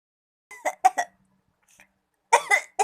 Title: Batuk diketawain ()